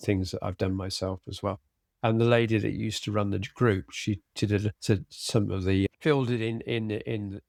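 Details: Adult man with aphasia after a sudden stroke, treated with speech and language therapy and flashcard vocabulary work; still has word-finding difficulty, cannot read a script, and tires as the day goes on; aphasia.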